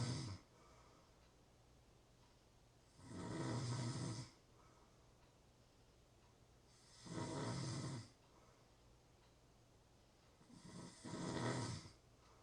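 Slow cycle of throaty snores about every 3.5 seconds, roughly 16 breaths a minute, with quiet pauses between: ordinary snoring in sleep.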